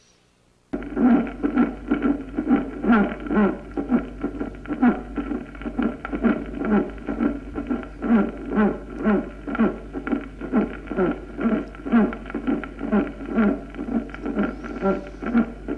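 Steady heart rhythm with a tonal, humming sound filling each beat: a musical systolic murmur from thrombotic valve obstruction.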